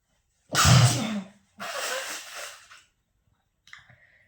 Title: Sneezing challenge 😃 & Noseblowing Challenge🤧requested video #sneezing#noseblowing